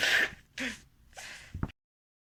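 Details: Person doing a sneezing challenge: short sharp bursts of breath, an explosive blast followed by quick gasping bursts; sneezing.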